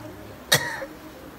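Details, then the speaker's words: Young boy of short stature with cystic fibrosis and bronchiectasis, on treatment, coughing on request during a ward round: a single short, sharp dry cough with no mucus rattle. "american so at this moment his cough is dry because he's on treatment"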